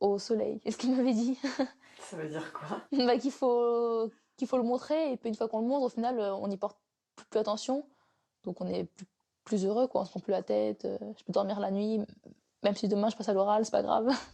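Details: Adult French woman, a triathlete, stuttering since early childhood, with particular difficulty on the letter R, certain numbers, syllables and consonants; real, not acted; stuttering.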